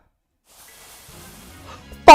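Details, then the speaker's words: After eating too much, a person who cannot burp gives a single short, loud involuntary croak in place of a burp, described as sounding like a ghost coughing: an involuntary throat croak with inability to burp. "I can't burp, but I can make those sounds. And it's involuntary. Do it again. And it only happens when I ate too much food. Sounds like a ghost coughing."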